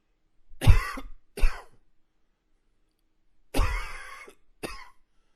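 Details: Two bouts of coughing, each a loud harsh burst followed by a shorter second cough, four coughs in all, separated by a pause.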